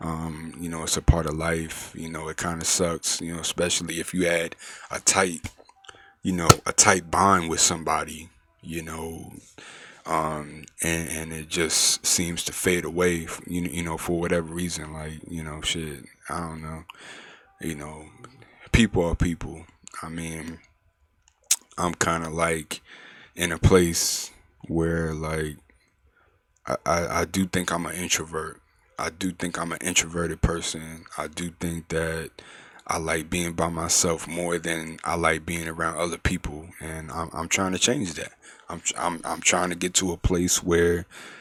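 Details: Mild residual stuttering in a male adult podcast host who stuttered badly through middle and high school, has mostly outgrown it and now controls it, though it still appears when he is nervous.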